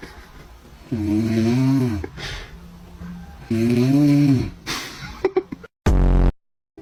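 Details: Dad snoring while a baby reacts: two long, loud, rattling snores on breathing in, then short snorts and a final sharp snort; plain heavy snoring.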